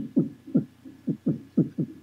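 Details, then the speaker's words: Rhythmic, low whooshing pulses heard by stethoscope over the neck; carotid bruit from turbulent flow through a narrowed carotid artery, discussed as a cause of pulsatile tinnitus. "pero cuando se reduce el calibre de ese vaso entonces ya empieza a hacer ruido porque éste genera más turbulencia de la normal"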